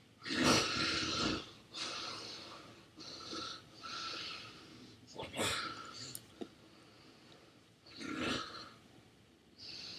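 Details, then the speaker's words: Man snoring within a minute of falling asleep: irregular harsh, airy snoring with snorts, repeating every couple of seconds; snoring. "It just took him 1 minute and he's already sawing logs."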